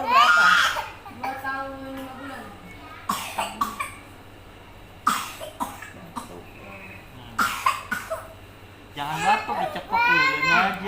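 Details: Several short, sharp coughs from two young children (younger and older sibling) coughing together, with child voices and adult talk in a small room.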